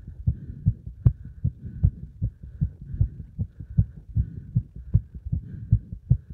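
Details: Heart sounds recorded after combined beeper test and squats (hard exercise): strong, regular low heartbeat thumps at about 77 per minute; heart sounds after exercise.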